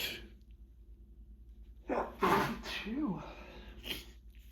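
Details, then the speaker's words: A quiet pause, sharp inward gasp, then one forceful, wet sneeze with trailing voiced sound, during a long sneezing fit in the final bout of hay fever; allergic rhinitis sneeze. "Oh gosh. It never ends. Never wants to stop. Here it comes again."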